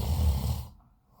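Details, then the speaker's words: A single low, rumbling snore fades within about a second from a sleeper lying down after the pool; his snoring is described as often far louder. "И как же он храпит А ну это вообще это на голову не дишь это надо накида чтобы не слышать как он храпит либо уйти в другую комнату"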